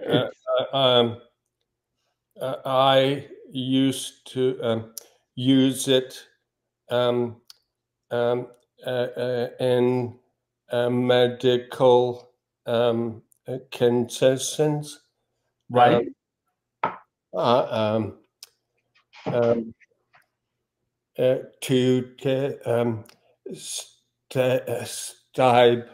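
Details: Man with aphasia reports he no longer gets frustrated when words don't come out; aphasia.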